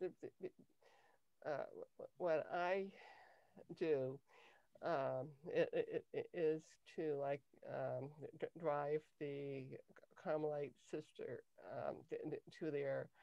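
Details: Adult woman with cluttering since early childhood, diagnosed at age 10 with a language-area speech problem that a speech therapist later identified as cluttering; she has difficulty organizing her thoughts while speaking; cluttering.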